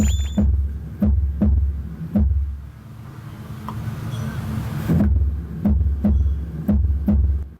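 Regular paired heart thumps stop for nearly three seconds, then resume: a pause in the heartbeat, an arrhythmia.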